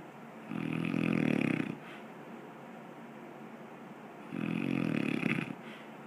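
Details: Person who fell asleep easily: two loud, rattling, buzzing breaths about four seconds apart, with quiet exhalation between; snoring in sleep.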